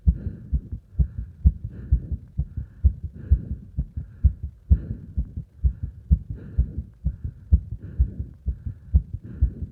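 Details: Heartbeat heard during exercise, with strong breath sounds: quick, regular beats at about 125 a minute behind heavy breathing; raised heart rate during exercise.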